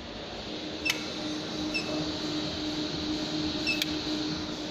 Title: NdYag Laser Tattoo Removal System PL532A